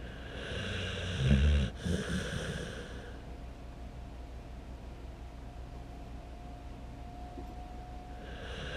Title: loud ass snoring